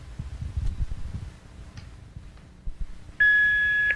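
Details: AED in a St John Ambulance training demonstration, pads placed on a bare chest: rustling and handling, then a loud steady electronic tone as it analyses the heart rhythm, before the no-touch warning and shock advised.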